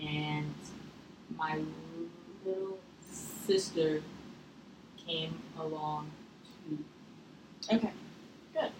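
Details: Female client in a stuttering therapy session practising a pull-out/release technique, with the clinician signalling by hand when to release; stuttering with prolongations and blocks.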